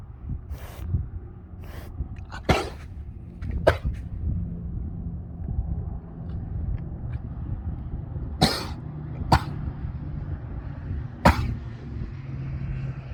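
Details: Horse cough: about six sharp, explosive coughs spread over the recording, against low rumbling stable noise.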